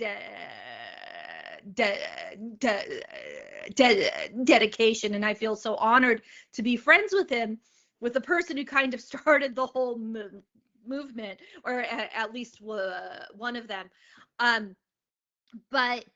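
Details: Adult woman, a comedian, who has stuttered since age eight and speaks openly about it; real stuttering.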